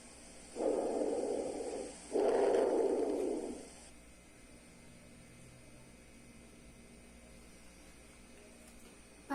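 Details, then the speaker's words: Normal breath sounds on lung auscultation with a stethoscope, starting at the infraspinous region of the back in a physiotherapy demonstration: one soft, low rushing breath in and out. "primeiro Ela escuta são os sons normais"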